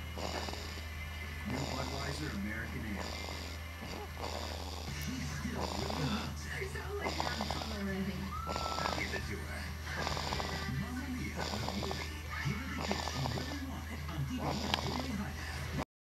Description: Snoring just like Daddy